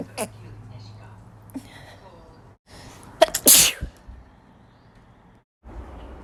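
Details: Woman with spring allergies: quick indrawn breath then a sharp explosive single sneeze, quiet room noise before and after.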